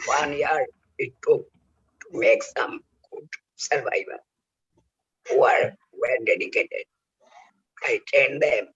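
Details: Real adult male whose larynx was removed for cancer (total laryngectomy), now speaking with oesophageal speech learned by the injection method of taking air into the oesophagus; finding: oesophageal speech after total laryngectomy.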